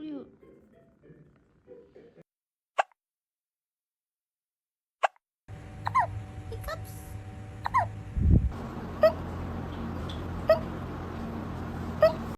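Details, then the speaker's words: Cat with hiccups: soft, sharp little clicks spaced a second or two apart over faint room hum. "Do you have the hiccups? Oh, baby."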